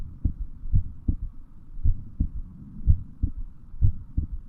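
Steady, dull low thumps repeating at roughly 65 a minute: a heartbeat.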